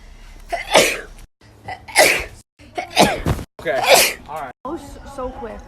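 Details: Four loud sneezes in a row with sharp inhaled buildups, then a brief vocal sound; sneezing.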